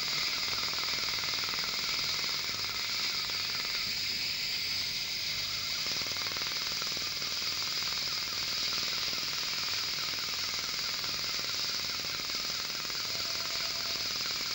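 Steady hiss with rapid crackling pulses, about four per second, throughout: an Er:YAG dental laser removing tooth material and old fillings.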